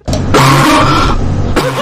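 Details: A person coughing repeatedly and doing nothing else; cough.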